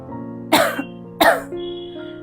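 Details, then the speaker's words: Demonstration of an effective voluntary cough: seated, leaning forward, neck slightly flexed, deep inspiration, then two sharp deep coughs in close succession over soft background music, for airway clearance. "Demonstrate the patient deep sharp double"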